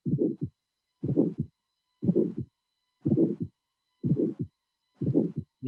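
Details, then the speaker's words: Bicuspid aortic stenosis: regular heartbeat about 61/min; low-frequency mitral closure first sound followed immediately by a high-frequency ejection click mimicking a split first sound, then a systolic ejection murmur. "appreciate the fact that the the first sound seems to be splitted but this is not the splitted first sound is that just the presence immediately after the low frequency sound that is due to the closure of the mitral valve a high frequency sound that is the ejection click that is typical of arctic stenosis"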